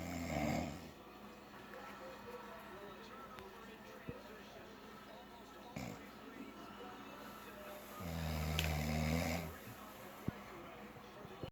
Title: Fighter airplane snore